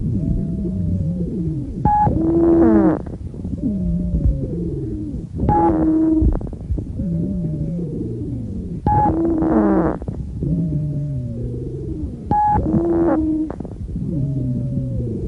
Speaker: wheezes may be described as high-pitched in which case they are also called sibilant rhonchi or low-pitched in which case they are also called sonorous rhonchi listen to a high-pitched wheeze